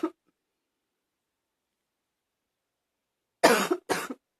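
Two harsh, abrupt coughs with a slightly barking, hollow quality after a brief faint sound; a mild barky cough.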